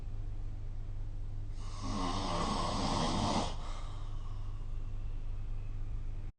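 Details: Snoring recorded with the SnoreLab app: one rough, rasping snore lasting about two seconds over a steady low background hum.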